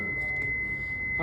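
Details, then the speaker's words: Defibrillator demonstration during a training session, energy level 4 selected on a 1–10 scale and then charged: a steady high-pitched continuous tone signalling the charge is complete and the device is ready to shock. "तो मुझे चार करनी है तो मैंने चार कर दी चार करके मैंने चार्ज कर दिया"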